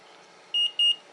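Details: Two short high-pitched electronic beeps from a Neulasta Onpro on-body injector as it is applied to the belly beside the umbilicus after chemotherapy, once the medication is loaded; a normal device signal.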